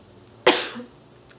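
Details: A single harsh cough burst in a quiet room from a person on about day four of an acute throat infection, believed to be strep and treated with antibiotics, with a sore throat that hurts to talk.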